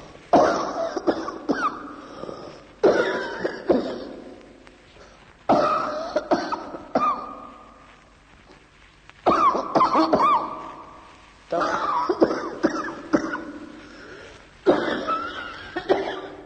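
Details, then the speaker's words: Uncomplicated chronic bronchitis cough, teaching recording on cough in internal medicine: six bouts of repeated coughing, each a short run of harsh coughs. "Oppure il prossimo esempio di una bronchite cronica senza complicazioni."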